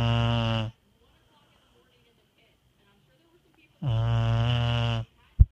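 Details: Two loud, low, rattling snores about three seconds apart, with a brief snort at the end, from a sleeping female beagle in an archived recording; snoring.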